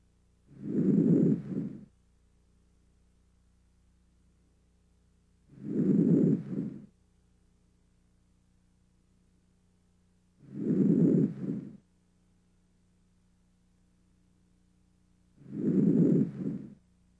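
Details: Normal vesicular breath sounds on chest auscultation during a respiratory examination, patient breathing deeply through the mouth: four soft, low-pitched breaths about 12 a minute with quiet pauses between them.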